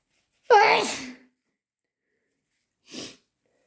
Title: Intense chhinkni sneezes and wet nose blows